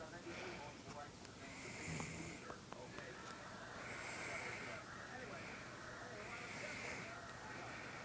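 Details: A mother snoring in her sleep at 11:42: soft snoring with rhythmic hissing breaths at about 13 a minute over room noise.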